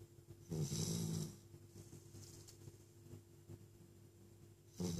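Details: Sleeping puppy snoring: soft, fluttering snore on the in-breath, a quiet stretch, then another snore begins; ordinary snoring.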